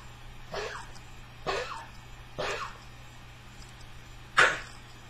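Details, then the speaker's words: Cardiac cough from a very ill senior dog whose heart is enlarged 30%: four dry, harsh, honking coughs over five seconds. "for those of you that may not know Opie is one of my dogs one of my senior dogs who um is very ill and his heart is enlarged 30%"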